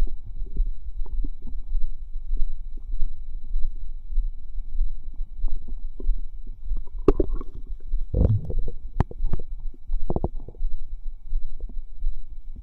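Low continuous fizzing and bubbling with occasional louder squelching gurgles from the belly; ordinary active bowel sounds.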